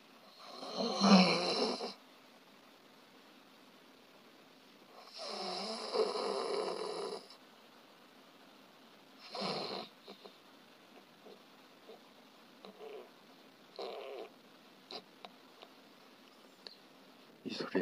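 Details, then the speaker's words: Severe snoring in sleep where the airway is almost closed and breathing is poor, described as dangerous; harsh, labored snoring sounds. "소리는 아까 기도로 거의 갈아서 호흡이 잘 되지 않는 써도 입니다"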